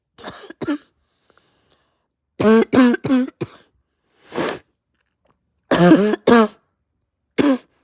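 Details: Person with pounding head, raw sore throat, heavy chest and stuffed nose; about nine harsh voiced barking coughs in short clusters with noisy breaths drawn between bouts, hacking hard enough to nearly vomit; barking cough.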